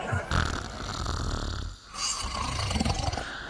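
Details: Loud, rough, low rumbling snores from a sleeping dog, broken by a brief pause between breaths. Dog sleeping and snoring alongside its owner.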